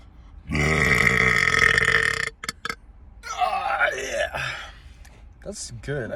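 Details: After drinking orange soda, a long, loud, deep burp lasting about two seconds, then a second rougher burp and short mouth sounds; belching.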